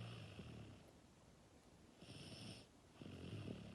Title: Nice Snoring